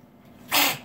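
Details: Cat sneezing repeatedly on cue when asked, then licking mucus off its face; sneezes.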